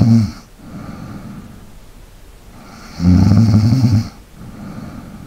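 Low, rumbling snore on one breath, with quieter breathing before and after. Ordinary sleep snoring.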